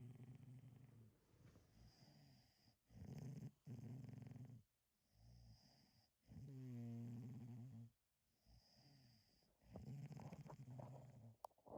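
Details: Several sleeping dogs snoring: low rumbling snores in irregular overlapping bursts, one with a whistling tone.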